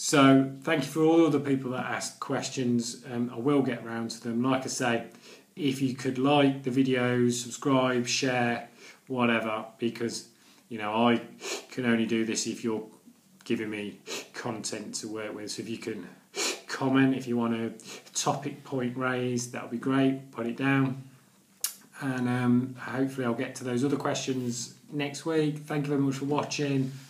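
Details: Adult man who reports stammering every day for nearly 40 years, real speech: stuttering (stammering).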